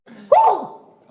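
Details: Young man doing his unusual, deliberately softened sneeze, practiced on purpose: a brief quiet lead-in, then a sudden voiced, vowel-like burst fading within half a second.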